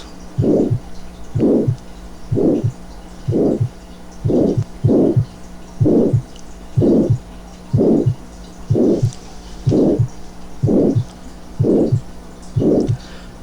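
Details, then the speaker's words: Simulated aortic stenosis at about 62 bpm: loud rhomboid crescendo-decrescendo systolic murmur running up to the second heart sound, masking an opening click, with prolonged isovolumetric contraction phase and clean diastole. "primer ruido tú aquí está el chasquido de apertura que está enmascarado por el soplo y el soplo romboidal 2 sobre romboide al que termina hasta el segundo ruido cardíaco"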